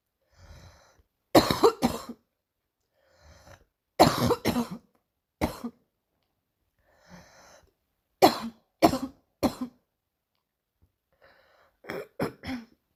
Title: another morning cough